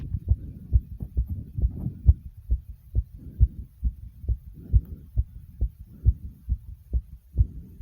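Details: Fast, strong, regular heartbeat at about 130 beats a minute, recorded right after 65 jumping jacks: a rapid heartbeat after exercise.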